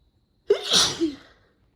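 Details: A single forceful sneeze with a brief intake before it, during a hay fever sneeze attack after cutting the grass in a month of bad hay fever: sneezing.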